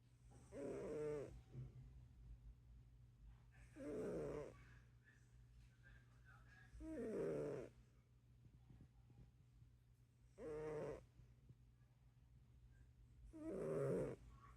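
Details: Cat asleep: soft, regular snores at about 19 breaths a minute, each a short fluttering rasp over a low background hum; cat snoring.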